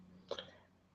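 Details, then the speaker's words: Adult coughing and hacking repeatedly while talking during a live stream. "So please excuse all my coughing and hacking and dying."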